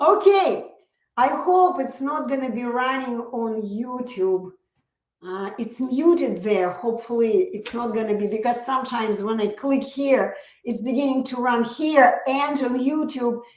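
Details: Adult woman; typical speech.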